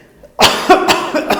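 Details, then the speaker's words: A doctor imitates a child's asthmatic cough: a short run of about four quick coughs after silence; not continuous, after deep breaths, about 3 coughs at a time, sometimes small sputum at end. "the asthma that is very commonly seen in children may also present as cough this cough will not be continuous, but the children may take deep breaths while talking or while coughing and then start coughing"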